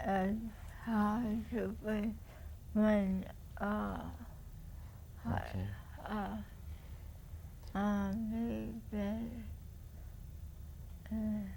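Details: Real patient in a clinical neurologic exam, with fluent but meaningless speech containing neologisms, paraphasias and few nouns, and usually unaware of the deficit: receptive (Wernicke's) aphasia, with poor prognosis for recovery.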